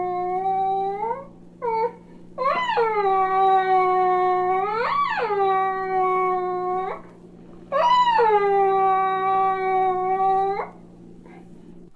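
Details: Normal toddler's drawn-out, sing-song whining cry rising and falling in pitch, an attention-seeking cry, over a steady hum; 1967 recording of baby sounds for expectant and new parents.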